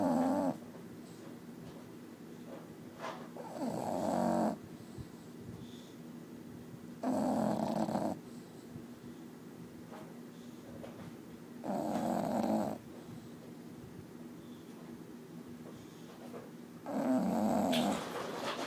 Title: Bulldog snoring provides white noise